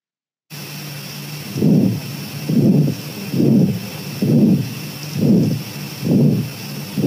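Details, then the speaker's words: Regular heart sounds at about 67 a minute with a long blowing pansystolic murmur starting from S1, heard at the tricuspid area; ventricular septal defect. "jadi murmurnya murmur pansistolik bedanya dengan ejeksi sistolik kalau pistolik kita enggak dengar hampir tidak mendengar mulai dari s1-nya"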